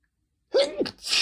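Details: Induced sneeze in a male whose nose is sensitive from cold weather: a brief catch of breath, then a sharp, hissing burst.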